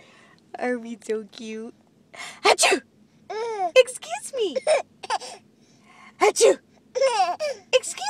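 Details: A mother sneezing while an infant laughs: sharp, explosive sneeze bursts between voiced breaths, with the infant's laughter between them.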